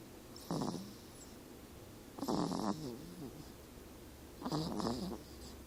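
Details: Animal asleep: rhythmic rattling, snorting breaths about every two seconds over a quiet room hum; snoring.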